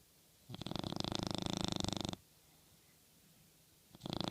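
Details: Dog sleeping and dreaming on a pillow toy, snoring: a loud, fluttering, buzzing breath under two seconds long, then the next beginning.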